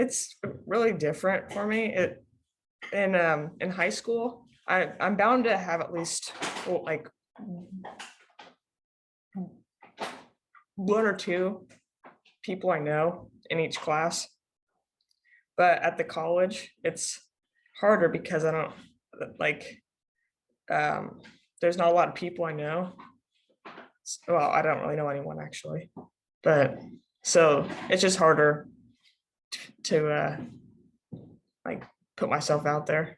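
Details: Female student who stutters, speaking as a panelist among people who stutter; she took classes online at the end of freshman year. Finding: stuttering.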